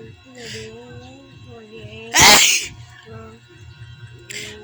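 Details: Sneezing provoked by tickling: voiced build-up sounds, one loud explosive sneeze burst, then a softer second burst.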